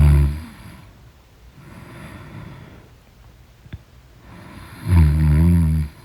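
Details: Two loud, low, rumbling snores about four seconds apart, with quieter breathing between them, from deep sleep; snoring.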